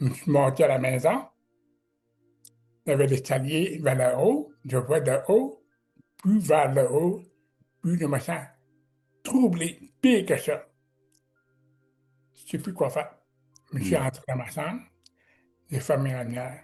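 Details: Man with severe-to-profound deafness who learned to pronounce letters, speaking French; deaf speech.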